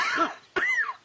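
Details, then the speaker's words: Acted adult smoker's cough in an anti-smoking ad, portraying a smoker's cough that became a lung cancer cough: two harsh, raspy coughs. "can become smoker with lung cancer's cough. Every cigarette brings cancer closer."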